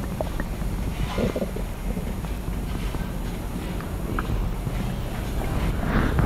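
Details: Stomach growling (borborygmi) recorded close to the belly: low continuous rumbling with watery sloshing and a few brief gurgles and crackles.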